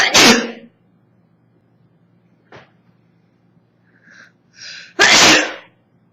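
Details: 24-year-old woman with summer allergies, recorded on an old phone that distorts the audio: two loud, forceful sneezes with quiet breaths and a sharp inhale between them; allergy sneezing.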